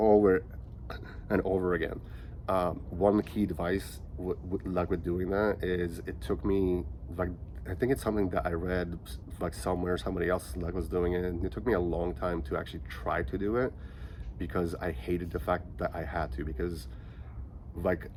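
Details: Stuttering in a 37-year-old man who has stuttered since age five; he says he is slightly more choppy here from nervousness.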